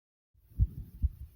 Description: Here is another 1 of my heartbeat vids after exercise